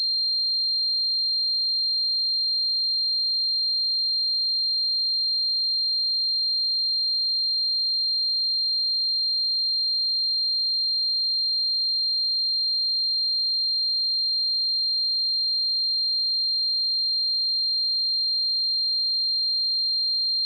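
A steady, unbroken high-pitched tone imitating the ringing of tinnitus, with no other sound.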